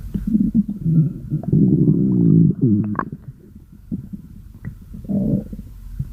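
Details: Loud, low gurgling rumbles with bubbly rises and pops over several seconds: stomach growling (borborygmi).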